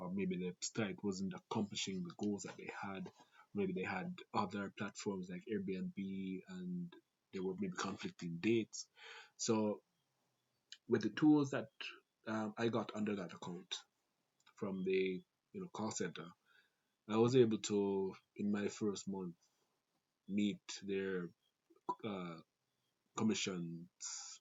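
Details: Stuttering in an adult Jamaican man who reports a stutter inherited through his family (grandfather, father, siblings), a fast speaking rate, and avoidance of hard multisyllabic words; stuttering.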